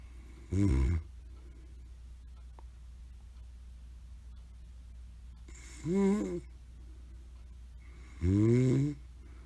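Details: Grandmother snoring during a hot summer, recorded as background to a hamster video: three loud, low, rattling snores on in-breaths, several seconds apart, over a steady room hum.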